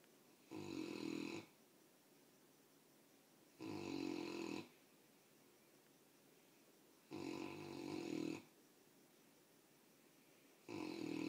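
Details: Sleeping Mastiff puppy snoring heavily: regular rattling snores about one every 3.4 seconds, roughly 18 a minute, over a quiet room; snoring.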